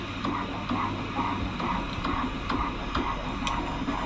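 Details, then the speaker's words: Fetal heartbeat at 35 weeks of pregnancy: rapid, regular whooshing at 136 beats per minute, within the normal fetal range. "probably about 138 beats per minute, right? Just based off of the sound alone. It's 136."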